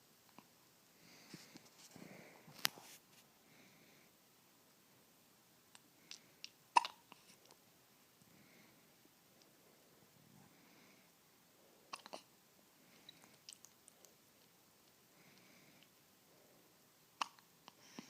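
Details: Jack's hiccups: short, sharp, clicky hiccup sounds recurring irregularly in a quiet room, about four in eighteen seconds, with faint sounds between them.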